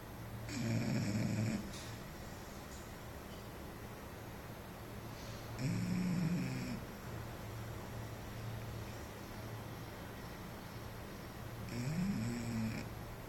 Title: snoring